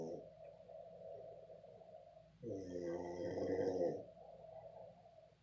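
Long drawn-out breath noise with a louder fluttering, humming stretch in the middle. Snoring.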